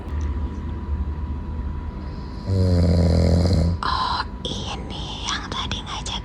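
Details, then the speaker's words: A sleeping adult lets out one loud, low, rattling snore over steady car hum, followed by brief muffled sounds, also sleep-talking; ordinary snoring. "Dari dia yang tadi ngajakin jalan dan makan di luar, tapi tepar sampai ngorok. Kedengeran enggak sih tadi pas aku lagi ngomong?"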